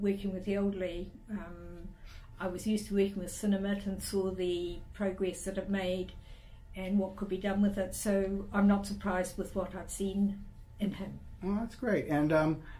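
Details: Adult woman speaking; normal speech.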